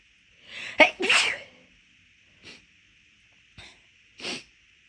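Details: Induced sneezing when the nose already felt off midway through a walk: a burst of big, forceful sneezes with sharp intakes, then several smaller sneeze-like bursts; rapid, big sneezes.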